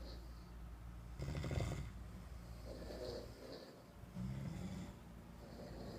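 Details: Several people snoring together: loud, low rumbling snores with snorting bursts over steady room hum; ordinary snoring.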